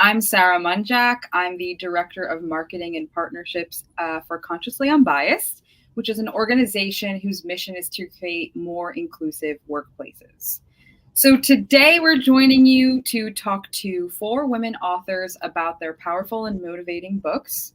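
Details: Adult woman speaking; normal speech.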